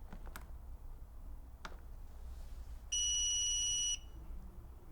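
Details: Demonstration of adult CPR and AED use in cardiac arrest training: a steady high electronic tone lasting about a second over quiet room noise as the AED powers on, before adult-mode voice prompts for pad placement.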